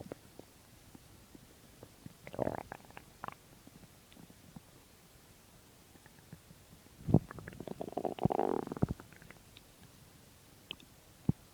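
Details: Stomach growling (borborygmi) from an intentionally empty stomach: two low gurgling rumbles against a quiet background.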